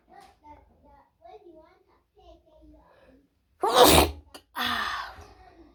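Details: Sneezes from someone with a wide nose: soft vocal or bird-like sounds followed by two loud, explosive sneezes close together; sneezing.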